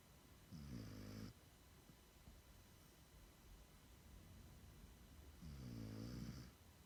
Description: Tyler 6 month old Siberian Husky snores while sleeping